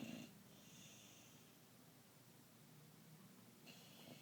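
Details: Soft, snorting breath noise with a faint whistling edge: an American Bulldog snoring while asleep, quiet against room hiss.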